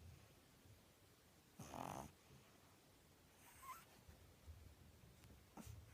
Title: Pug puppy snoring